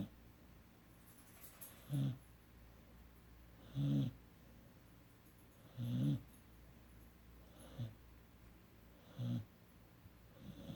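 Soft, regular snuffling snores about every two seconds, near 30 a minute, from a sleeping puppy.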